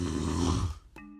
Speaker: this sound is me snoring I had never heard it before until I recorded it but every person that has slept next to me has suffered through it